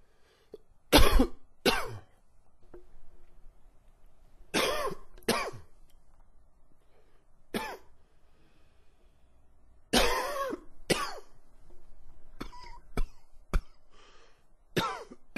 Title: coughing 8